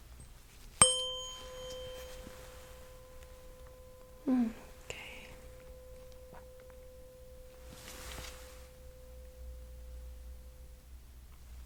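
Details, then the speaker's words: Simulated medical roleplay cranial nerve exam: a struck tuning fork placed on the middle of the forehead for a hearing test rings a clear pure tone that fades over about ten seconds. "this is called a tuning fork i know you're very familiar with it so i'm going to strike it and put it right here in the middle of your forehead can you please tell me when you don't hear the vibrations anymore"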